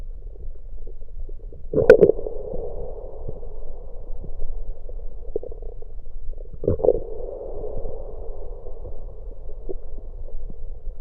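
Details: Bowel sounds recorded with an electronic USB stethoscope on the abdomen while drinking Coke: two brief gurgling bursts over steady stethoscope hum, swallowed soda and gas moving in the stomach, ordinary stomach gurgling.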